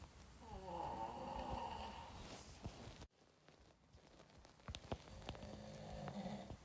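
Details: Rough, rattling inspiratory snore then quieter breathing with faint room sounds, from a sleeping adult man, recorded by a friend: snoring.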